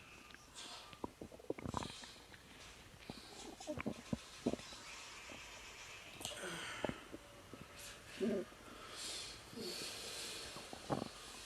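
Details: Woman three months pregnant, relaxing and not feeling comfortable (not pain), with natural stomach growling: irregular gurgles, squeaks and rumbles over quiet background; bowel sounds (borborygmi) of digestion.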